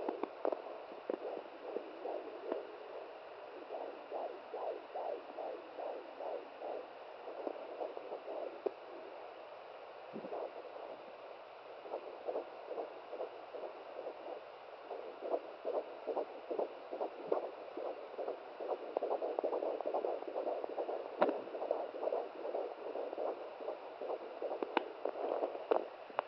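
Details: Fetal heartbeat at 17 weeks of pregnancy on a home fetal Doppler, mother's first use: rapid, regular whooshing about 140 a minute with dropouts as the baby moves.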